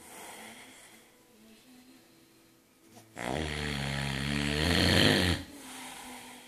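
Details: Soft breathing, then one loud, rough, rattling snore lasting about two seconds; ordinary snoring.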